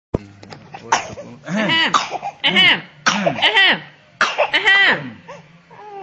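A child gives a run of four or five loud, voiced coughs in bursts, with a short vocal sound between them.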